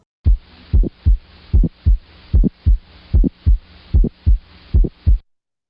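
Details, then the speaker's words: Teaching example of an ejection click: a regular heartbeat at about 75 a minute with a sharp extra click just after S1. It is usually heard at the apex and reflects aortic stenosis, often with a bicuspid aortic valve. "an ejection click is usually appreciated at the apex of the heart and is reflective of aortic stenosis usually if there's a bicuspid aortic valve as well"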